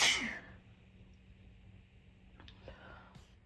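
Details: A single tickly sneeze from a set where false starts were cut out and eyes watered by the end: one sudden, hissing burst of air fading quickly into quiet room noise.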